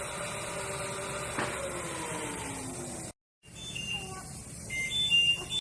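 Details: Child with spinal muscular atrophy during respiratory physiotherapy, using a cough assist device to help cough up secretions: steady machine whirring with pitch shifts, a brief break, then beeps and hissing airflow from mechanical insufflation-exsufflation.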